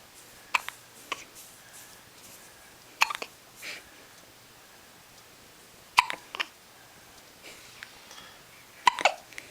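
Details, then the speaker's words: 10-day-old baby girl with hiccups, whole body shaking with each: about five short, sharp hiccups at irregular intervals over nine seconds, faint room noise between. "You got hiccups? Yeah, there's one. There's another hiccup. Poor girl. Hiccup. More hiccups?"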